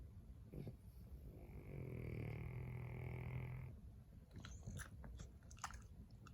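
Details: A sleeping French Bulldog snoring: a low, rumbling snore of about two seconds, with snuffling breath noises before and after.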